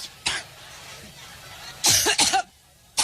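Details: Cough from a woman during a speech in Cleveland, a coughing attack she joked was allergy: a short burst of three dry coughs with light background noise in a large space.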